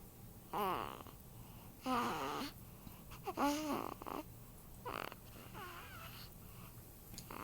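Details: Snoring in an 8-day-old baby boy: irregular breathing bursts with squeaky, whistling, falling tones in a quiet room.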